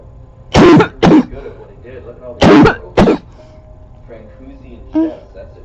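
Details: Adult's harsh barking cough in close-up, recorded in 2014: two pairs of barking coughs, then a smaller cough, over quiet room noise.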